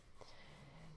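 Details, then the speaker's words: Pet sleeping on a sofa in a quiet room, snoring with a faint, low, steady rumbling breath sound. "by the way as usual if you can hear the snoring in the background that's Tails who for some reason likes to go to sleep on the sofa right when I'm about to make a video"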